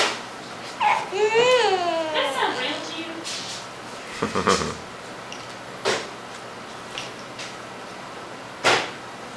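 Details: A girl makes a whiny vocal sound, then gives a few short, dry, isolated coughs that may be acted rather than real; she is said not to have a cold.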